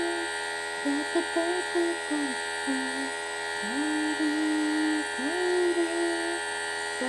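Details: Nebulizer inhalation for cough in a 10-month-old baby: steady motor hum and whine of the compressor throughout, with someone humming a tune over it.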